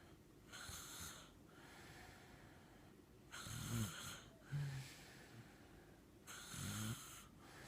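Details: Soft, regular snoring from a sleeping child, the little sister: breathy hisses with a low rattle on some breaths, about 20 breaths a minute.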